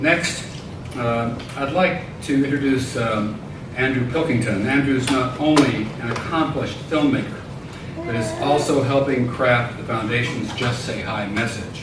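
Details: Adult male speaker; Normal speech.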